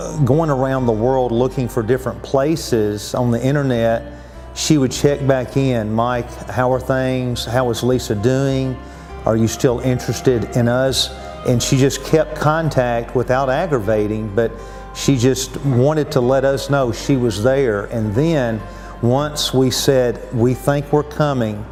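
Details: Adult man speaking; Normal adult male speech.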